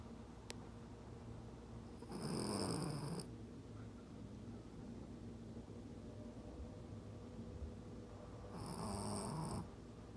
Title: Snoring dog